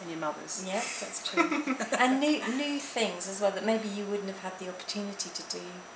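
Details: Adult woman speaking; Normal speech.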